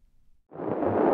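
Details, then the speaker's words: Fetal movement heard with a home BabyBeat fetal Doppler during pregnancy: a quiet pause, then a rising rough whoosh as the baby moves, a normal finding. "fetal movement maybe your baby is waving at you or just getting more comfortable"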